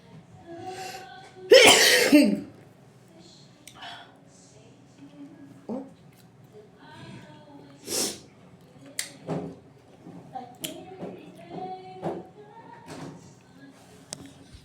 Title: feather sneezes.